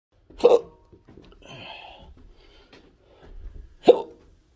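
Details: Intractable hiccups with choking spasms, Oct/Nov 2022; episode began early morning and is worsening despite a worn hiccup aid; two sharp, abrupt hiccups with a throat catch, about three seconds apart.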